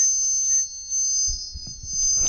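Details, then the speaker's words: Simulation of a high-pitched tone a self-described targeted individual says he hears inside his head, which he insists is not tinnitus and says is really about 5,700 Hz: constant piercing tone with faint low rumbling behind. "the sound is in your head it it's in your head you can't block your ears and make it go away you can put your fingers in your ears but it doesn't help the sound is still there in your"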